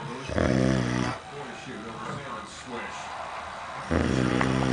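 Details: Sleeping child or father, unclear which: two loud, low rumbling breaths with quieter breathing between, TV and talk in the background; ordinary snoring.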